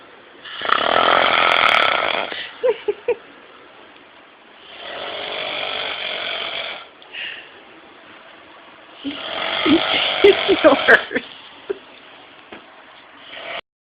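Loud, harsh, rattling snores about every four seconds, a few snorting catches mixed in: heavy snoring.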